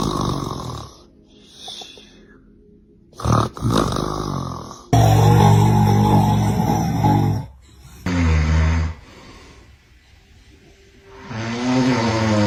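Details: Adult man (father) snoring while sleeping: loud rumbling snores and snorts in bursts, with music, laughter and a child's voice in the background; ordinary snoring.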